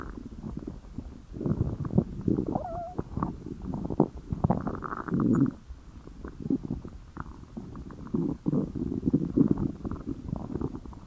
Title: My Stomach Growling😊❤️ (NO HATE PLZ)